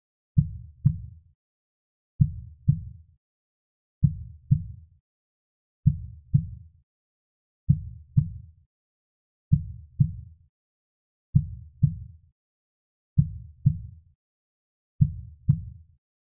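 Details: Studio-made slow heartbeat sound effect, not a real recording: steady paired low thumps at about 33 beats a minute against silence.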